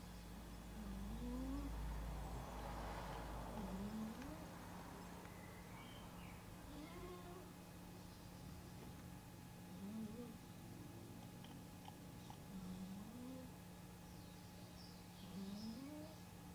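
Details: Sleeping cat snoring: a soft, rising, whistly snore on each breath, about every 3 seconds, with steady room hum.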